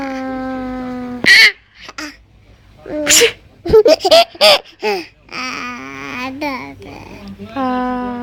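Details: A mother's sharp adult sneeze, followed by her infant's bright laughter and babbling: an ordinary sneeze.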